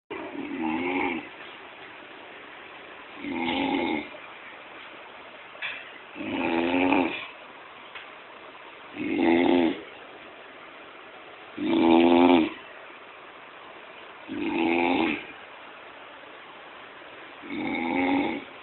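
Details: Snoring: regular rumbling snores on each breath, about seven in eighteen seconds, roughly 22 breaths a minute.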